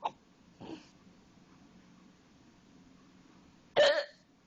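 Sudden short voiced catches come at irregular gaps, the last one louder, fitting an adult's hiccups.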